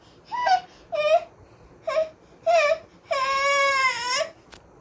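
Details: Unwell, irritable infant refusing medicine; five bursts of crying with short pauses, the last a long drawn-out wail, in a quiet room.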